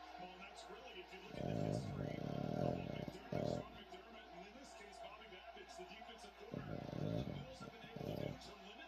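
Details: Sleeping dog snoring: low, rattling snores in long bursts a few seconds apart over faint room noise; ordinary snoring.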